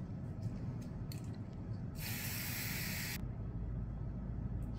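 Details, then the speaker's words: A steady one-second hiss of topical local anaesthetic spray on the skin over the Achilles tendon insertion, before an ultrasound-guided plasma injection for Achilles insertional tendinitis; low room noise. "putting local anesthesia first we're going to spray"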